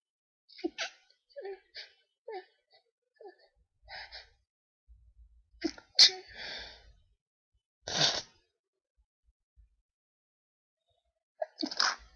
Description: woken up by a sneezing fit so decided to record sorry if quality is bad in places but holding a mic and sneezing like that is hard!